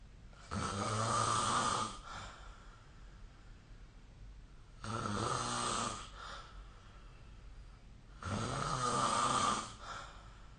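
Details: Sleep snoring recorded with the SnoreLab app: loud, rough snores on each breath in, about 16 per minute, with quiet breathing out between them.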